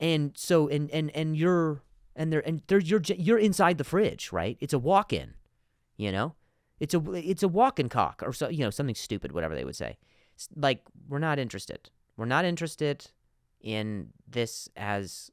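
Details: Adult man who stutters, spontaneous podcast speech: stuttering.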